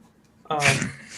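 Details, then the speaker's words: A cat sneezes onto a glass window: after a quiet moment, a single sudden sneeze with a brief sharp onset and a short airy hiss that fades. "oh [ __ ] my cat did you hear it yeah yeah yeah the cat sneezed it was cute uh he sneezed all over the glass window"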